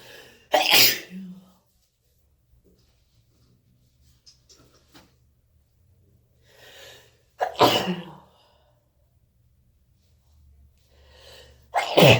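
Three sharp, explosive sneezes, each after a short inhaled catch of breath; repeated sneezing.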